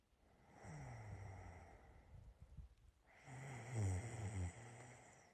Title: My snoring sounds so u can imagine Im in the room w you,n feel that i am (for Rose nd rose only)❤️xx